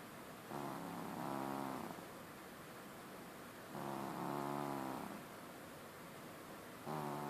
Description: Az én horkoló cicám. My snoring cat.